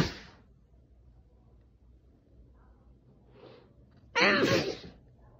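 A single loud sneeze, partly muffled into a towel, after a brief noisy onset and quiet room noise.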